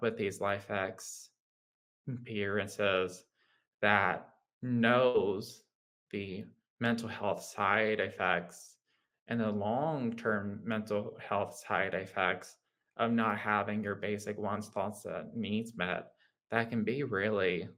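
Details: Adult man with lifelong childhood apraxia of speech, a developmental rather than acquired form, speaking in conversation; childhood apraxia of speech.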